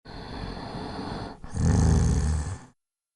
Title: How to stop snoring permanently